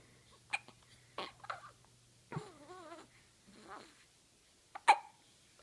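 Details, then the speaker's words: Cat with hiccups: brief, sharp hiccup sounds with a soft wavering meow between them. "who's got the hiccups yeah what you have the hiccups yeah your hicups who's a cute little guy"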